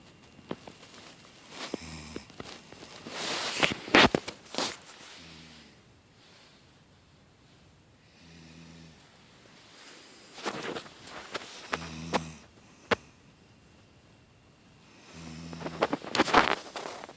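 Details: A female hunter snoring asleep in a deer stand at 27 degrees, before getting her deer: repeated snoring breaths with rough, snorting intakes roughly every three to four seconds, with outdoor rustling.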